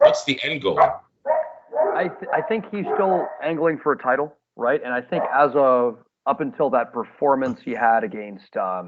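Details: Adult male speaker; Normal speech.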